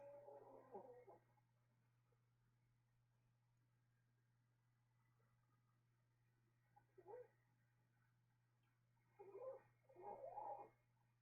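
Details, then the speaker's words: A female pet dog asleep on a bed gives three loud, rough snoring bursts, widely and irregularly spaced, over a steady electrical hum in a quiet room. Snoring. "foreign I can actually see the the sound lines going up when she snores loud you guys can definitely hear that oh she's so loud"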